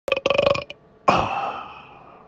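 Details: Ordinary burp: a rattling, voiced belch followed by a longer, fading release of air; described as a smelly one.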